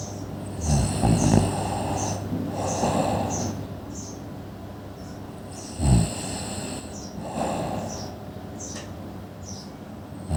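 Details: Sleeping person: rough, rattling noise on each breath in a steady rhythm, about 10 breaths a minute, with a hiss between; snoring.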